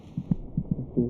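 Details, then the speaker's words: Fetal heartbeat heard through a monitor: soft, rapid paired thumps, roughly 150 a minute, about twice the mother's rate, with a low hum. "By week 26, it may just be possible to hear the fetal heartbeat by putting your ear against the mother's abdomen. Is it kicking? It's quite loud. The fetus's heart beats about twice as fast as a mother's."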